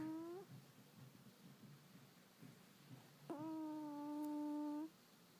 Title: Cat Snoring *TURN UP VOLUME*